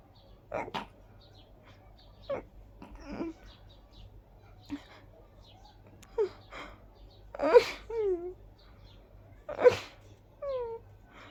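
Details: Sneezing attack on a high pollen-count day combined with dust allergy: series of sharp sneezes with short inhalations and vocal sounds between them, a frequent, tiring sneezing fit.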